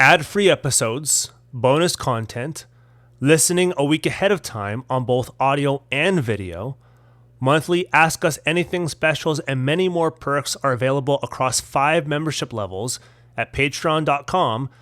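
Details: Adult male speaker; normal speech.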